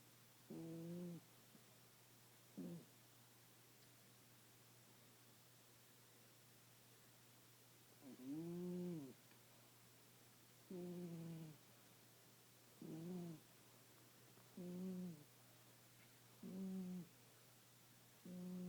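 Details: Cat sleeping after a rough night and day, snoring: repeated low, buzzing snores on each breath, about 30 a minute, over steady room hum.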